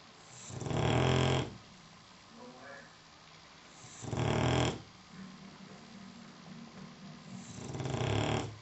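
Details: Snoring: three loud, deep, rattling snores at about 18 breaths a minute, with quieter breathing between.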